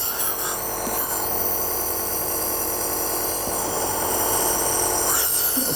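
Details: Steady buzzing, rasping motor hum of a home nebulizer air compressor running continuously, producing medicated mist for asthma relief via mask or mouthpiece; nebulizer compressor running.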